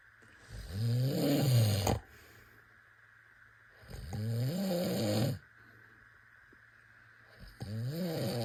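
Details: Loud rattling snores on each breath with quiet pauses between, about three in eight seconds, from a sleeping baby.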